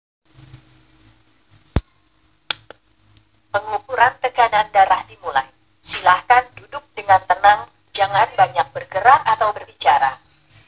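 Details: Home digital blood pressure monitor (tensimeter): a few beeps and clicks, then a recorded electronic voice reads out the blood pressure result in a quiet room.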